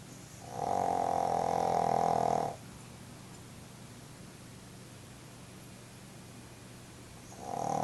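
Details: Pug snoring: loud rattling snore on one breath, a quiet pause, then the next snore beginning; typical flat-faced dog snoring.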